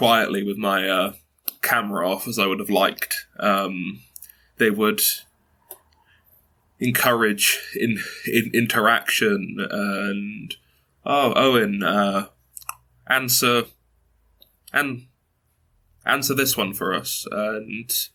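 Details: Stuttering in a 22-year-old man who has stuttered since early childhood and reports blocks and repetitions; his mother also stutters.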